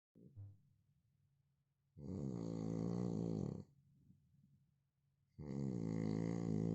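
Loud, rattling, strongly voiced snores on each breath in, separated by quiet breathing out; heavy snoring.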